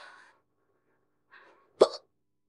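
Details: AI-voiced simulated scenario: woman drinks a can of beer and gets hiccups; faint breathy sounds, then one abrupt, sharp gulping hiccup.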